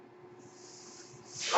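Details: The speaker's own mechanical ventilator, heard while he talks on a podcast: mechanical ventilator noise.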